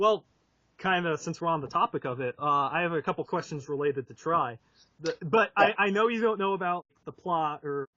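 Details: Adult male speaker; Ordinary speech.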